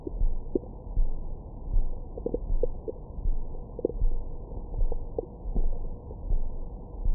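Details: Abdomen recorded with a Stemoscope stethoscope microphone after a large meal: muffled low rumbling with scattered short gurgles and squeaks, active normal bowel sounds.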